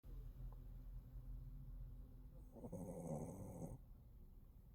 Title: Have you seen a dog snore like this?